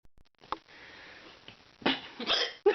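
A few short, sharp catches of breath in a small room, typical of hiccups.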